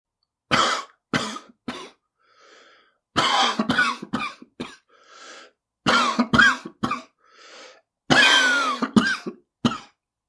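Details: Coughing sound effect depicting someone feeling sick; cough.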